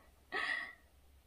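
A single short, sharp indrawn breath, a gasp of surprise.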